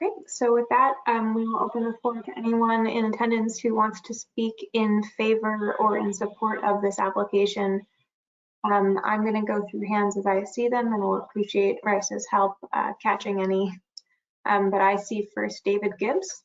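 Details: Adult female speaker; normal voice.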